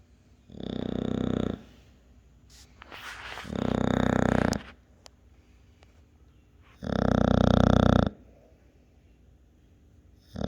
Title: top 3 snoring!